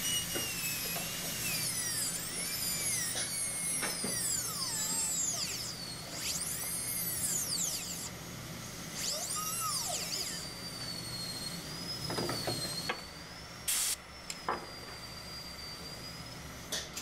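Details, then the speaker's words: High-pitched dental handpiece whine rising and falling as it slows and speeds up, while refining a gold inlay preparation (#3 MO, Tucker technique) with a bur. "so you could hear the hampi slow down in certain areas while we were doing this refinement and I think that's very important to do to control the handpiece and the burr"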